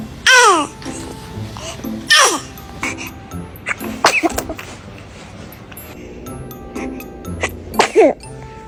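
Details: Infant sneezing: several short, sharp baby sneezes with a high squeal, over background music and adult laughter.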